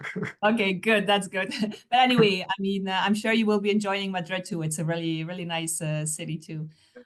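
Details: Adult speaker, likely female, in a small room; ordinary conversational speech.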